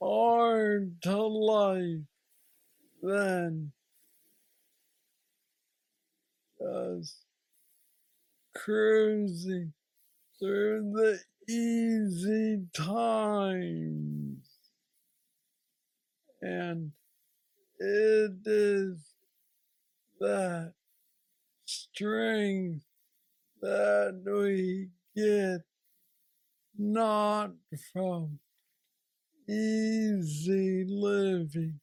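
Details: Man diagnosed with aggressive Parkinson's disease at age 35, now 46, reporting steady decline since diagnosis and mobility struggles; has a brain neurostimulator implant; Parkinsonian speech (hypokinetic dysarthria).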